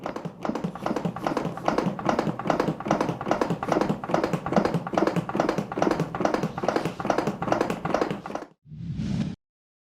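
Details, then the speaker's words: Rapid, regular thudding CPR chest compressions at about 120 per minute, done with hands stacked, elbows locked and body weight: a series of 30 compressions followed by a pause with a breathy sound before two rescue breaths. "അപ്പൊ 30 തവണ ഇങ്ങനെ അമർത്തുക എന്നുള്ളതാണ് നമ്മൾ"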